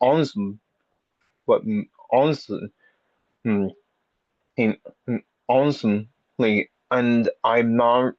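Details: Stuttering in an audience member who has had speech therapy for a speech impediment; repetitions and revisions heard.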